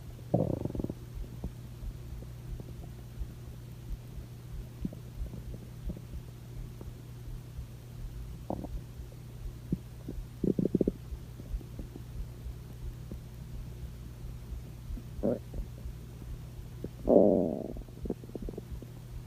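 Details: A cat's stomach growling: low gurgles and rumbles over a steady hum, louder at the start and near the end; ordinary borborygmi.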